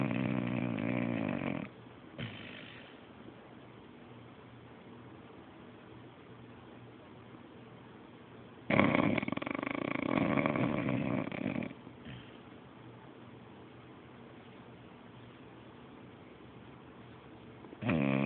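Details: Sleeping Beabull dog (English bulldog/beagle mix): long rough rumbling breaths with quiet pauses between; ordinary snoring.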